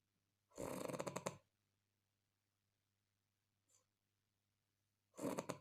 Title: Chinese Man Has Loudest Snore In The World